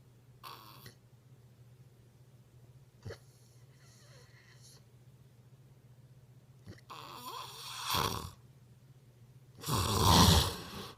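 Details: Quiet breathing followed by a few louder, rough snoring breaths over a steady low room hum; snoring.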